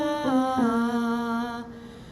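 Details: Vocal coach deliberately demonstrating a breathy voice on a five-tone scale: vocal cords come apart and don't connect, letting too much air through, giving a weak, unstable, poorly projecting voice; acted breathy voice.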